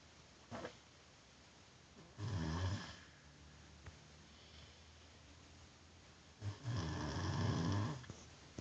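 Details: Sleeping adult snoring: two rough, rattling snores with quiet breathing between them.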